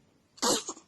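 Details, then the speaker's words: Baby girl sneezing in the morning, one of three sneezes in a row: a sharp, hissy sneeze burst; infant sneeze. "bless you bless you again three times oh my goodness okay got all the sneezes out"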